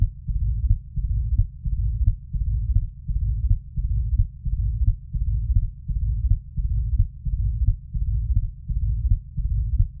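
Regular heartbeat about 88 a minute with a continuous low rumble between beats, typical of mitral stenosis.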